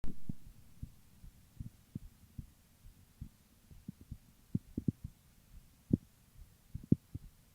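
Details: Female heartbeat recording: regular low thumps, roughly 80 beats a minute, with no added sounds; normal heartbeat.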